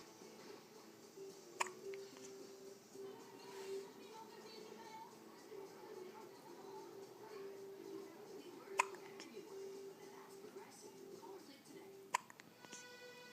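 Three sharp, brief hiccup sounds spaced several seconds apart, over background music and talk; infant hiccups.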